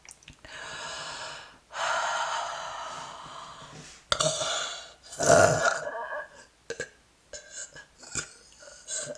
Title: Up close Burping